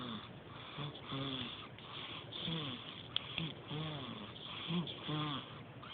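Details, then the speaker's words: A baby girl, two days short of one month old, breathes irregularly with squeaky, whistling and snorting sounds, about 45 a minute; the caregiver questions whether such early snoring is healthy; snoring-like noisy breathing. "ain't healthy for her to be snoring so early."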